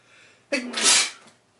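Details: A quick in-breath, then one loud, hissing, explosive sneeze; a typical sneeze.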